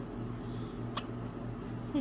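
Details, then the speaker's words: A single brief, sharp hiccup from an infant over a low, steady room hum. "You got hiccups, huh? You got hiccups? Yes."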